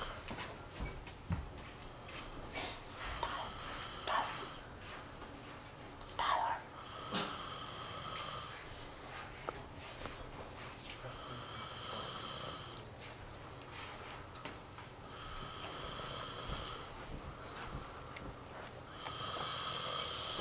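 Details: Friend fell asleep snoring very loudly; irregular snorting breaths with wheezy, whistling noises and soft clicks; snoring.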